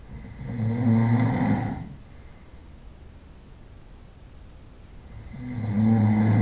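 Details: Snoring during the night, 25-minute recording: two loud rattling snores on breathing in, separated by a quiet pause of a few seconds.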